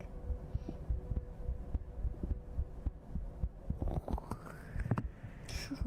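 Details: Soft, low thumps of a normal adult heartbeat recorded with a sensitive 3Dio binaural mic, muffled and mixed with microphone rustling and a brief rising squeak.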